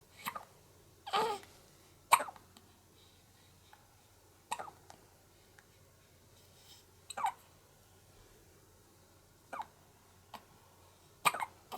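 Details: Soft, abrupt hiccups from a one-month-old baby girl after breastfeeding while fighting drowsiness, about every one to two seconds, roughly nine in twelve seconds, in a quiet room; infant hiccups.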